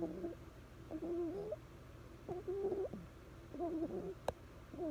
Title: Cutest bulldog puppy with the cutest quietest snore